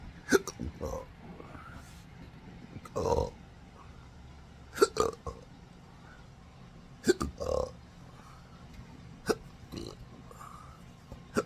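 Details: Adult with a rare chronic condition since December 2015, attributed to nerve damage from surgery (pudendal, phrenic, vagus nerves), causing involuntary diaphragm contractions: repeated short throaty hiccup-like catches and longer gulping burps, about 13 a minute; belching with persistent hiccups.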